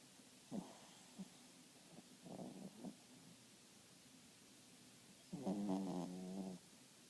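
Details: Dog snoring while asleep (also farting): several short, low, fluttering snorts, then one longer rattling breath; snoring.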